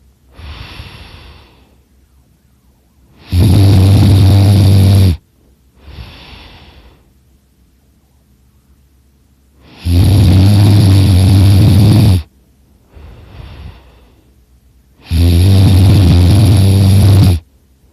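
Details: Person napping on a couch snoring very loudly in a quiet room, with snoring that hurts their throat a little: loud, rattling snores on each breath in and softer breaths out, about 6 breaths a minute; heavy snoring.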